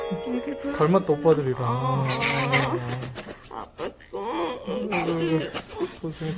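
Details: Strong, high wailing cries from a newborn just after birth, eyes opening, with background music and adult voices; a normal newborn cry.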